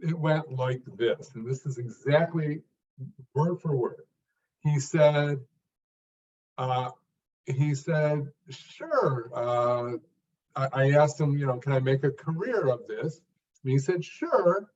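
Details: Stuttering in an adult man who was once a severe stutterer, unable even to read aloud alone; he improved greatly through work and practice but still stuttered in later jobs.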